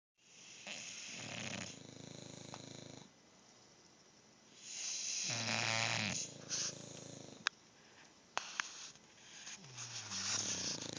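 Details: Overlapping snores from two sleeping dogs sharing a cuddler bed, one wheezy and high, the other a deeper rumbling snort, in a quiet room; dog snoring.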